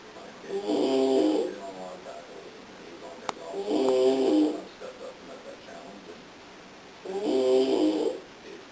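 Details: Adult man asleep sitting upright on a couch, snoring.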